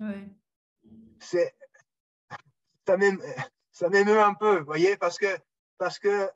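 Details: Adult man who stutters, speaking French; speech much improved over the years, still stutters a little from time to time in French, more in English: stuttering.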